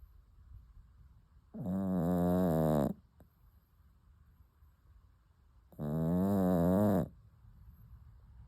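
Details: Sleeping puppy snoring: two loud, long rattling snores on breathing in with quiet pauses, about 15 breaths a minute.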